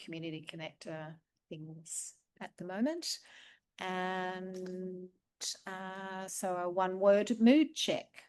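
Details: Adult woman speaking; normal speech.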